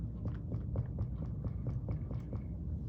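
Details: Resonant percussion note on the chest wall during a basic head-to-toe assessment.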